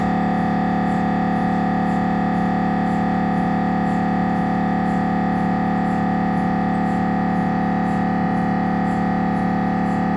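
Loud steady buzzing drone with a regular pulsing beat, about three per second: the gradient noise of an MRI scanner during a head scan.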